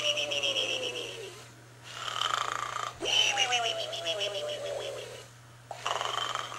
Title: Kinderella Arnold The Snoring Pig Final Version